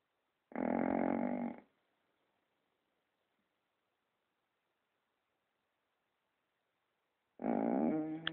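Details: Dog asleep and snoring: two loud, rough, low breathing rasps about seven seconds apart in a quiet room.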